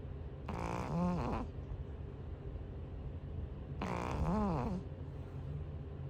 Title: #cat 🐈‍⬛ snoring like a person #cutecat 😘🥰#shortvideo #fallsleep #snoring sounds##fypシ゚viral